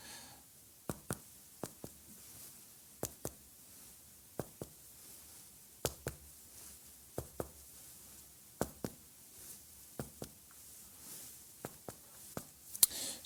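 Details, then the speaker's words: Normal resonant percussion note throughout the posterior chest, patient sitting up, about ten paired hollow, even finger taps in a quiet room during a respiratory examination OSCE demonstration; no scars or scoliosis seen. "we've got normal percussion throughout and then we're going to auscultate and we're going to do the same as we did on the front"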